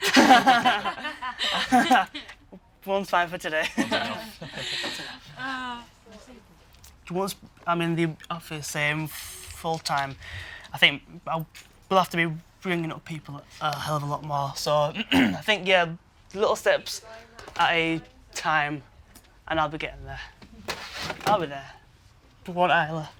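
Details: Stuttering (stammer) in a 23-year-old man, present since he learned to talk, with blocks especially on p, b and t sounds.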